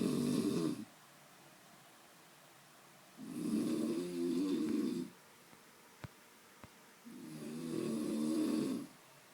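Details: Very loud snoring: low, fluttering snores at about 16 breaths a minute with quiet pauses between; snoring.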